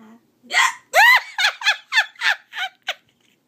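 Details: Sharp, high-pitched squeaky hiccup from an adult, followed by a run of short voiced bursts of laughter.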